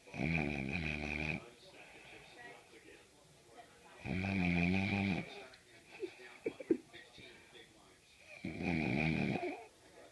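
Three long, buzzing, vibrating snores about four seconds apart, with soft noises between; about 14 a minute. Snoring.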